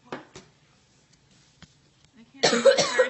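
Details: Cough.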